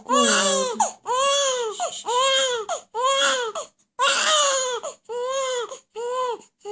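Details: Infant crying loudly: loud, rhythmic infant cries in repeated bursts of about one second, with brief breaths between; ordinary baby crying.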